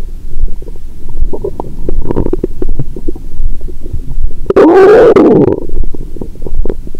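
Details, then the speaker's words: Adult's abdomen after a Christmas dinner with wine following a 22-hour fast, while drunk: near-constant low gurgling and rumbling with a louder rolling gurgle midway; active bowel sounds after a large meal. "यहाँ से, पेट की आवाज़ों का अनुवाद करना वाकई कठिन था, और मैं टाइम स्टैम्प🙇 भी नहीं बना सका। मेरा पेट हर समय गड़गड़ाहट कर रहा है।"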